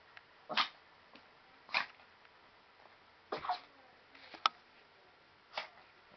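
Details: Pomeranian dog's sneeze attack: five sharp, breathy bursts in about six seconds, spaced one to one and a half seconds apart, a chain reaction of sneezes.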